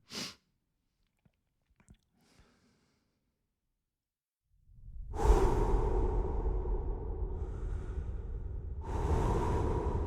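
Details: Breathing-sounds recording: a short sharp burst, faint clicks, then two loud, explosive, noisy sneeze-like blasts with a long rushing release.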